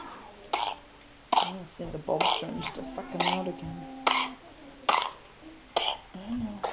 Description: Two month old stuggles with Pertussis cough.